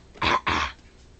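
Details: A young child gives two quick, deliberate pretend coughs on request, playful rather than from illness; voluntary cough.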